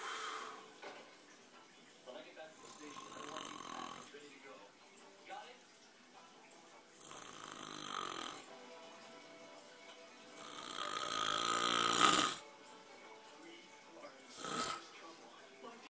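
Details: Sleeper snoring: loud rattling snores recurring every few seconds, with music and faint talk in the background.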